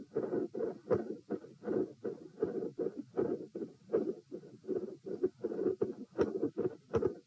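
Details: Heart sounds auscultated at position P during a stress test (lie-sit-stand-bob-stand, HR 84-90-90-102-114): muffled beats about 80 a minute, loudness rising and falling in waves, strongly phasic; unusually low heart-rate response.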